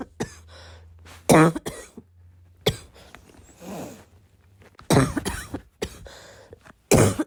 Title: this cough kept me awake last night